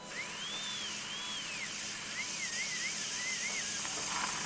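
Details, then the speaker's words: High-speed diamond bur drilling a carious cavity in a molar behind the carnassial tooth of a 6-year-old Labrador before a dental filling: steady high-pitched whine, pitch rising and dipping as it cuts. "Now I'm going to bur it with the diamond bur. Can we increase the speed of diamond bur?"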